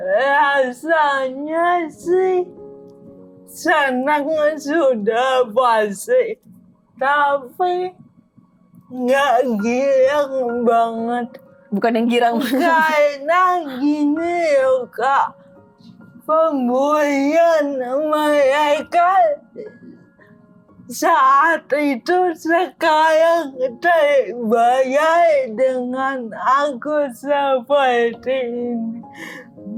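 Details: Adult woman with cerebral palsy, with gross and fine motor limitations; dysarthria (cerebral palsy).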